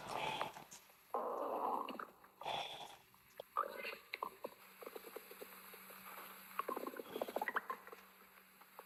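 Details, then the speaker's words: Stomach growling (borborygmi) after eating a large meal, person relaxing and massaging the belly: gurgling, squelching bursts and rumbling runs of abdominal sound. "Mm, I ate so much. My stomach is growling."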